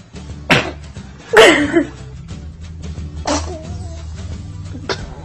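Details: Cute babies sneezing: four short, abrupt bursts of small infant sneezes separated by pauses, with music playing underneath.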